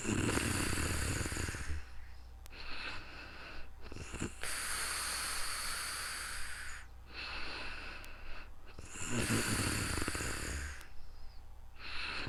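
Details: Real-time snoring during calm sleep, recorded with a new microphone: loud rattling snores alternating with hissy breaths through the nose and mouth.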